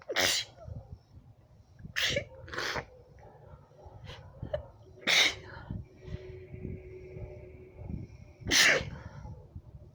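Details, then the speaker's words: Adult woman with allergy, itchy red eyes and itchy throat: five loud, explosive sneezes in about nine seconds with quick breaths and sniffs between; a sneezing fit. "Hopefully that was something for everybody. I mean, there are more, but the skin of my nose is starting to get irritated. I hate that."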